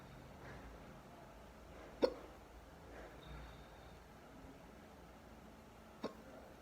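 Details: Two deep, sharp, abrupt hiccups a few seconds apart in a quiet room; hiccups.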